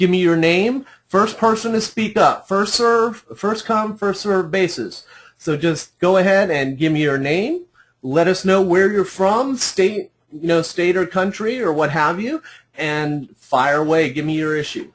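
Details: Adult male speaker; normal voice.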